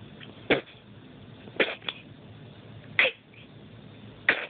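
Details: Two-day-old newborn boy sneezing four brief, sharp times in a quiet room; a normal newborn reflex.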